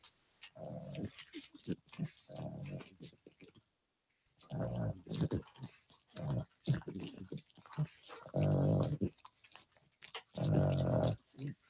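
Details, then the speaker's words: Sleeping dog snoring in bed while another dog licks its face and ears: low, rumbling snorts mixed with wet licking and smacking sounds nearby. "one dog is licking the other dog's face and ears while the one dog just laying there snoring let's listen"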